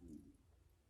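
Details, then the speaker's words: Hungry adult woman's stomach growling during a clothing try-on haul; she says she is starving after skipping eating. A brief, quiet low rumble fading in under a second, typical of borborygmi. "I'm sorry if I hear my stomach growing I am starving"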